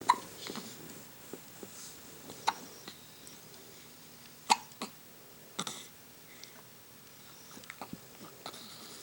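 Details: Sharp, brief gulping hiccups recurring every couple of seconds in a quiet room, from a 6-day-old baby.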